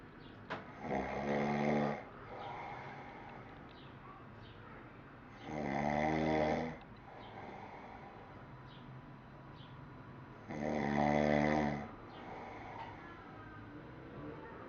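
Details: Adult man (father) snoring: three loud, rumbling snores on the in-breath, about 12 a minute, with quiet breathing between; ordinary snoring.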